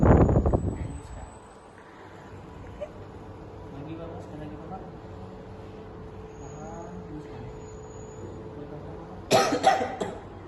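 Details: Effective cough training for an adult male patient to clear sputum from his throat, done after deep-breathing practice (inhale 3 s, hold 2 s, exhale 8 s, repeated 3 times): a forceful cough at the start and another near the end, with quiet breathing between.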